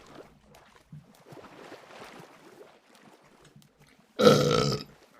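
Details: Woman's burp from a burp compilation: soft background talk, then one loud, rumbling belch lasting about half a second.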